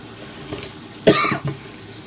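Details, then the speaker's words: An adult with a bad cold, described as a sinus infection, gives one harsh, loose cough with a short trailing follow-up, coughing up a large piece of mucus. A productive cough. "I have a really lousy cold right now and I don't know why I'm showing that but it's like I [ __ ] coughed up like an alien mucous membrane right there"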